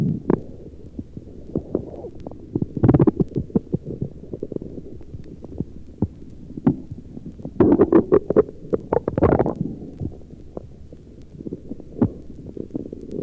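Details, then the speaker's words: Normal, very active bowel sounds picked up during an apical heart sound recording of a patient who is hungry late in the afternoon (1955 recording): frequent irregular gurgles, clicks and rumbling bursts over a low hiss. "since it is late in the afternoon and this patient is hungry you can also hear the bowel sounds in this tracing"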